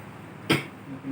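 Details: Cough.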